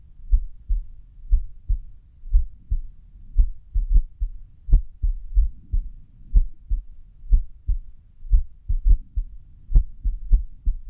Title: 安静時の不整脈心音 -Resting irregular heartbeat sound-